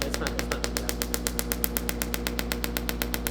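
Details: Rapid, regular sharp clicking pulses, about four per second, from an extracorporeal shockwave therapy handpiece treating golfer's elbow (forearm flexor tendinitis) in a patient in a chiropractic office.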